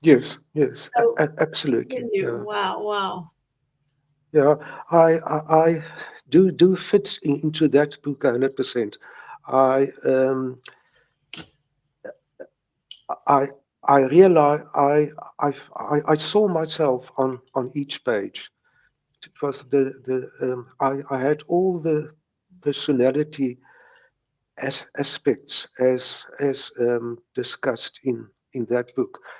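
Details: Stuttering since age three in a man in his 70s, with mild speech blocks that persist; word and part-word repetitions.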